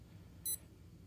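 A single short, high electronic beep over quiet room noise, a TENS unit's button press during setup.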